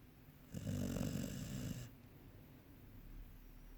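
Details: One long, rattling, low snore lasting over a second, then quiet breathing; snoring.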